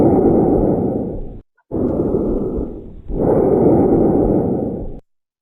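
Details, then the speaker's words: Recorded bronchial breath sounds as heard by stethoscope over the bronchi: loud, hollow, blowing breaths with a brief pause between inspiration and expiration; bronchial breath sounds. "Now, this is a bronchial sound, bronchial lung sound. That means this is what you would hear over the bronchi whenever you're listening with a stethoscope."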